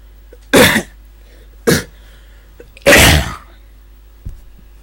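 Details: Video blooper: three abrupt, forceful cough bursts in quick succession, the last one longest, in a quiet room; cough.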